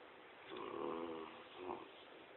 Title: Mastiff sleeps and snores